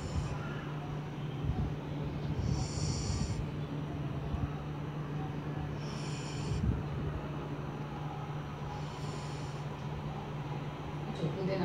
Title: Indian Sighthound snoring during a nap